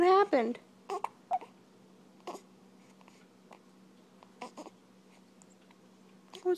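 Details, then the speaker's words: A baby girl gives a brief fussy cry, then short, sharp, irregular hiccup sounds in a quiet room: infant hiccups. "What's going on, baby? Do you have the hiccups? You got the hiccups?"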